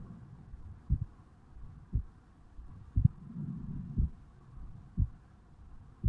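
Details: Own heartbeat of a 35-year-old man recorded at the mitral (bicuspid) valve area on waking in the morning: steady heartbeat at about 60 beats a minute with soft background rustle; normal heart sounds.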